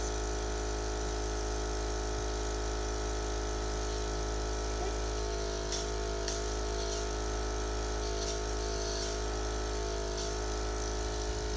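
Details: Tracheostomy suctioning by a nurse using sterile technique, repeated three times while the patient is encouraged to cough and breathe deeply: steady droning suction-machine motor hum with faint intermittent bubbling and sucking sounds.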